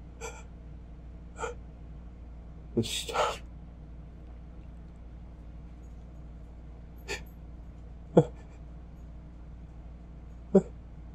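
An adult makes a run of short catching gasps and one fuller breathy burst as a sneeze stays stuck.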